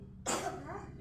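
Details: A single loud, harsh cough burst from a child over a low steady hum, recorded during a massage given to ease the child's cough.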